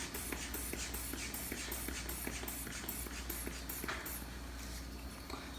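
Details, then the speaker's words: Blood pressure cuff inflation during a general medical exam demo: quick, regular squeezes of a hand bulb with rhythmic air puffs, pumping to 200 mmHg with the stethoscope held over the brachial pulse. "So let's pump it up all the way up to 200."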